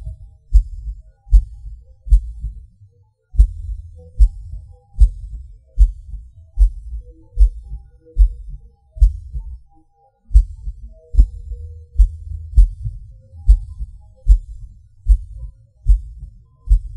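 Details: Person's own heartbeat, about 75 a minute, low thumps with sudden longer pauses and hard beats; irregular rhythm from premature beats (PVC/PAC), felt as a rush or falling sensation.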